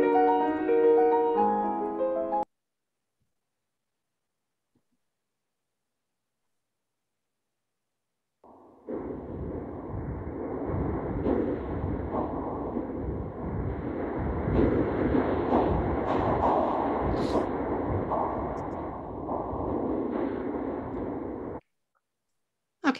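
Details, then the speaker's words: A cochlear implant simulation: brief clear piano notes, silence, then the same music as a dense hissing, whooshing blur without clear pitch, illustrating the input a cochlear implant listener receives, not the listener's actual experience. "this is the input that the person gets when they're listening through a cochlear implant."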